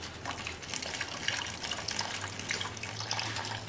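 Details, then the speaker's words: Dog with confirmed GDV (gastric dilatation-volvulus) being decompressed through an orogastric stomach tube while the stomach is pressed. A continuous gurgling, bubbling rush of gas and fluid drains out. "so i'm actually pushing on the stomach and i'm leaving the boat and as you look down at the tube you can see air and liquids coming out see the bubbles"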